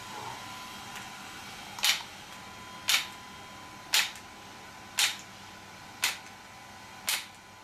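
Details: Extracorporeal shock wave therapy (ESWT) device used for muscle and bone pain relief on a patient: sharp, regular snapping clicks about once a second over a faint hum; shock wave pulses.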